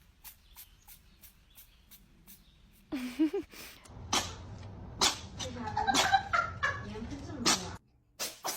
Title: cat sneezing with nasal discharge p41 #cat